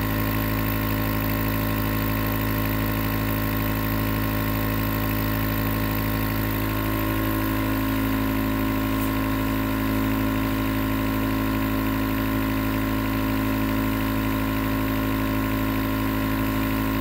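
Steady mechanical hum with a constant buzzing drone, the continuous running sound of a nebulizer compressor.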